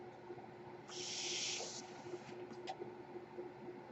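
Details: A single soft rushing hiss of air lasting about a second over a faint steady hum and room noise, the breath delivered by the speaker's own home ventilator during a podcast: a mechanical ventilator.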